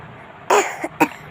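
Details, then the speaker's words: Two short, dry coughs from a young boy in a quiet room, in pretend doctor play about a sore throat after sugarcane juice and ice cream: cough. "इसीलिए गला खराब है आपका। बोला नहीं जा रहा। अब क्या करें? मम्मा। अब क्या करें? बोला। कौन? मैं अरे खांसी नहीं हुई। खांसी तो हो रही"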